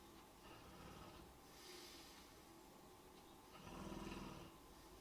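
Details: Person sleeping during a live stream: low, rough, rattling breaths recurring during sleep, one louder, with some room noise; snoring.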